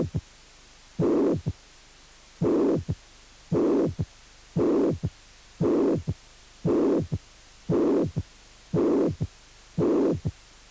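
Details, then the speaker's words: Mitral regurgitation: a voiced imitation of a regular heart cycle, with a long pansystolic murmur filling each beat followed by a third heart sound. "y insuficiencia mitral con soplo pan sistólico y tercer ruido"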